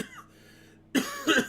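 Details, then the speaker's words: Adult smoking cannabis dabs who first blamed the smoke but thinks they caught a cold, possibly from their puppy; two short, harsh coughs after a quiet pause. Cough. "my god I thought I I thought it was the smoke that was [ __ ] me up but I think I actually got a call"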